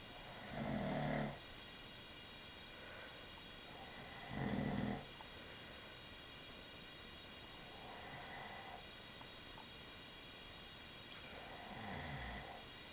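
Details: Snoring from a sleeping man whose wife says he denies snoring: slow, rough, rumbling breaths roughly every three to four seconds over a steady hiss.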